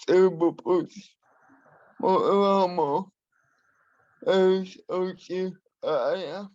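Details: Adult man with spastic and dyskinetic cerebral palsy who uses a wheelchair; he has a speech impairment he has worked hard to minimise and continues to practise; dysarthria due to cerebral palsy.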